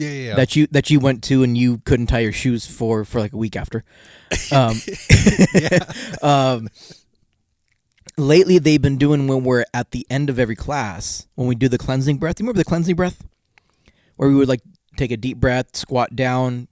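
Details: Adult male podcast co-host who has a stutter that he says comes out more in awkward situations and sometimes even when he feels confident; stuttering.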